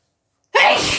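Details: Adult sneezing after taking pepper: a single sharp, forceful sneeze after silence, trailing into a breathy exhale.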